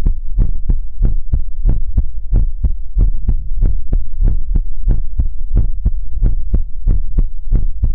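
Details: ASMR heartbeat sounds during a relaxation livestream: steady, low, booming double thumps at roughly 90 beats a minute; heartbeat.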